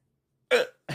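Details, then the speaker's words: Person with hiccups while talking to camera: a single abrupt voiced gulp, then the start of another sharp sound; a hiccup. "also have hiccups. So ignore those."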